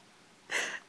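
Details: Single soft, short, breathy cough from a female dog after a moment of quiet.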